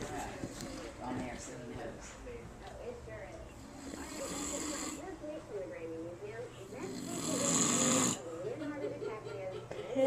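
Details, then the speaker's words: Adult man napping after falling asleep reading with the TV on, with repeated rough snores and a television talking in the background; snoring. "hey this is Nicole my dad's visiting from California he's upstairs taking a nap you can probably hear him now"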